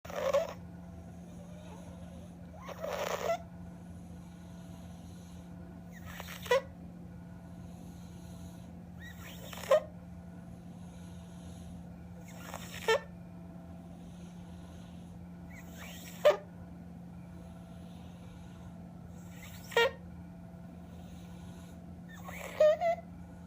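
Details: Stridor with retractions after 3 days of inpatient care: harsh, high-pitched noisy breaths about 20 times a minute over a steady machine hum.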